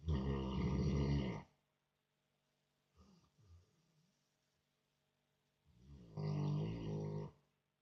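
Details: American bulldog snoring loudly like a human: deep rumbling snores on two breaths with a quiet pause between.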